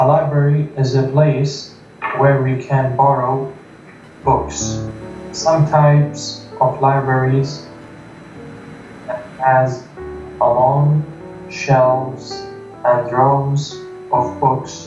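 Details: Adult who has stuttered since 5th grade, retelling a passage during a stuttering course; reports trouble saying full sentences, shortness of breath, getting stuck on words; stuttering.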